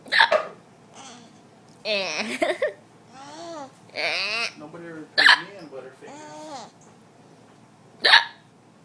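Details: A person's hiccups: sharp, abrupt vocal bursts at the start, middle and end, mixed with laughter and babbling voice.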